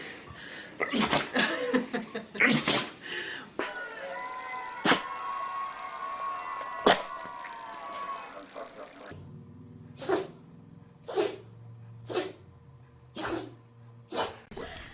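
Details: Several short, sharp sneezes from dogs, with background music in between.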